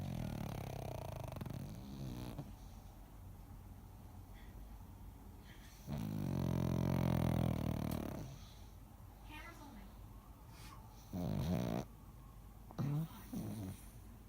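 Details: Jango snoring very loudly: loud, low, rumbling snores in irregular bursts with quiet gaps between them.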